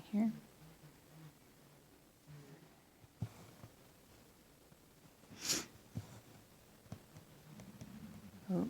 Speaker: can you hear my stomach rumbling? My tummy rumbling. My tummy's a rumbling.